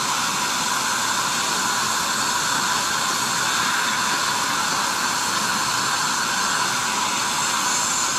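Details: Acteon Neutron piezoelectric ultrasonic dental scaler at raised power setting 4.5 in the upper left quadrant, HVE close to the tip, showing aerosol: steady high-pitched hissing whine with water spray.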